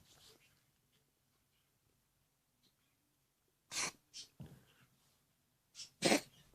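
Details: Sneeze-like sound of unknown source, possibly a cat sneeze; the uploader is unsure what makes it.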